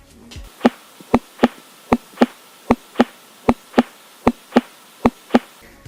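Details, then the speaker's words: Regular paired, sharp lub-dub at about 77 per minute with quiet gaps, presented as teaching example: S1 from mitral/tricuspid closure, S2 from aortic/pulmonary closure; normal first and second heart sounds. "el primer ruido se produce por el cierre de la válvula mitral y tricúspide y por la apertura de la válvula aórtica y pulmonar el segundo ruido se produce por el afecto por el cierre de la válvula aórtica y pulmonar y por la apertura de la válvula mitral y pico expediente y se escucha de la siguiente forma"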